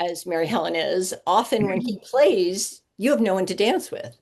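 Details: Adult woman speaking; normal speech.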